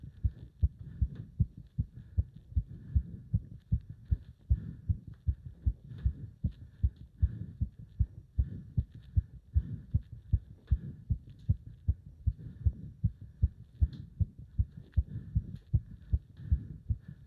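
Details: Heart sounds during leg wrench exercise, pounding felt up to the subclavian artery: fast, strong, regular heartbeat about 150 beats a minute; rapid forceful heartbeat during exertion.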